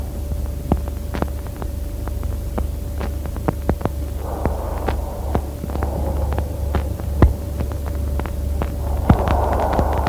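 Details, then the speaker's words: Biot breathing played in a lung auscultation lecture: soft breath noises in short clusters separated by irregular silent pauses lasting from a few seconds up to half a minute. "ин патологическое Дыхание это дыхание было это характеризуется редким при этом через три линии промежутка иногда правильные следует паузы длительность от нескольких секунд даже до полминута"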